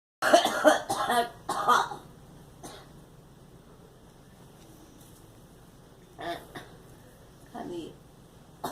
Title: Girl coughing